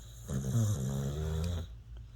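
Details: Sleeping dog snoring: a single drawn-out, rumbling snore in a small quiet room.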